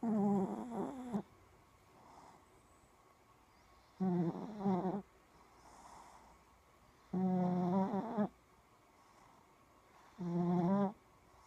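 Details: Shih-tzu puppy snoring in sleep: a breath about every three seconds, each with a whiny, vibrating snore and soft breaths between.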